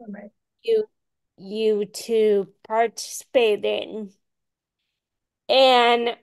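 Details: Ataxic dysarthria in a woman with Friedreich's ataxia, a rare, genetic, progressive disease diagnosed at age 16; she reports voice issues.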